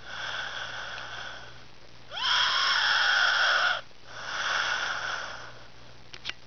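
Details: Male sleeper with a whistling snore: long, high-pitched, tonal breaths, about three in six seconds, the loudest rising in pitch.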